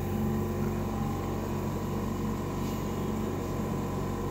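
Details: Steady mechanical drone and hum of an air compressor running without pause, building pressure for an Oxy Vent 9C Plus ventilator (adult and pediatric modes) during a demonstration with no patient, pressure gauge reading about 60.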